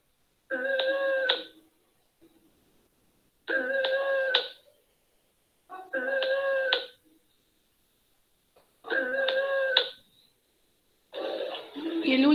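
Loud, high-pitched musical noise on each breath, about 20 a minute, typical of stridor from upper airway narrowing.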